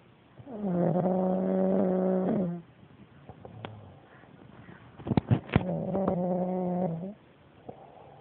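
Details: Nephew snoring at night: two long, even, tonal snores with a steady buzzing pitch, separated by quiet breathing and small clicks; ordinary snoring.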